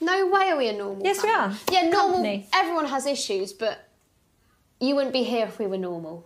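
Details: Young female speaker(s); ordinary speech.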